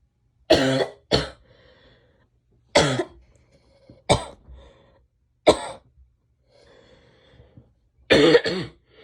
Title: sneezing, nose blowing and a bit of coughing (f)